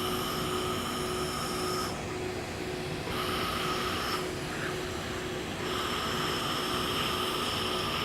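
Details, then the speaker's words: Laser hair removal with a long-pulse 1064 nm Nd:YAG laser on Fitzpatrick skin types IV–VI: a steady cooling-air hiss with a faint tone and rhythmic pitch changes as pulses fire across the treated skin. "so as we do the treatment I'm going to cover the entire surface area of the skin that we want to treat a little bit of overlapping is okay but generally speaking overlapping is not necessary"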